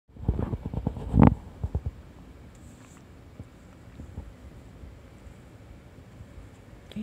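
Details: Bowel sounds from digesting a hamburger steak: low gurgles and rumbles, then quiet with faint rustling; ordinary post-meal digestive borborygmi.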